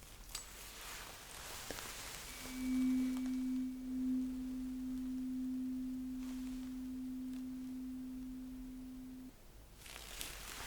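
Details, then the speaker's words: Simulated hearing-test roleplay: a struck tuning fork is placed on the bone behind the ear and rings as a steady pure low hum for several seconds, then stops. "I will just put this thing right behind your ear somewhere there on that bone. And you will have to let me know when you stop hearing the vibration and the sound."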